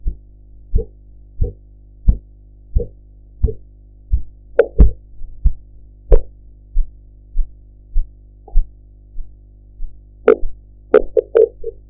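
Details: Korotkoff sounds in a blood pressure practice recording while a sphygmomanometer cuff deflates: regular soft tapping thumps at about 90 per minute, with some background noise.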